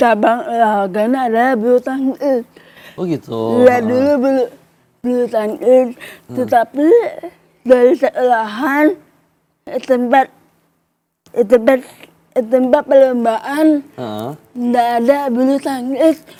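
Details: Woman aged 25 with cerebral palsy and delayed speech development; she communicated only in writing in primary school and began speaking in junior high after therapy with her mother; dysarthria.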